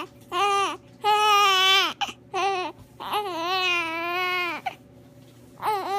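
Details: Infant crying: repeated loud wailing cries, each about a second or longer, with short breaths between.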